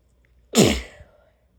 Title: Strong sneezes